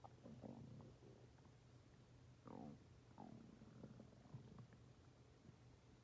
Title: My stomach growling for 17 minutes and 26 seconds